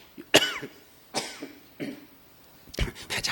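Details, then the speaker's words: Adult lecturer coughing repeatedly mid-lecture while tired and sweating: about four harsh dry coughs in quick succession in a quiet room. "자꾸 기침이 나오지? 이걸 끌까? 아니야? 잠깐만."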